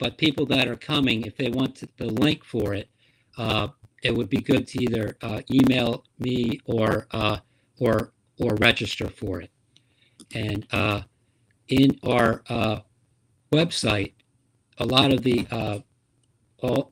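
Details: Aphasia after stroke in a female support-group member; speech shows word errors.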